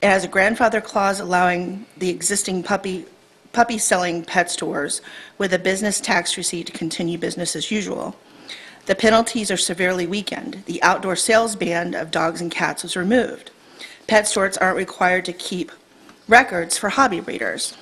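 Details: Adult woman speaking; normal voice.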